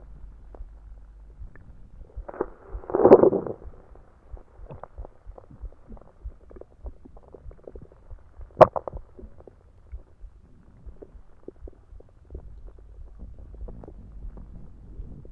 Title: Soda stomach growls (with some heartbeats) pt 1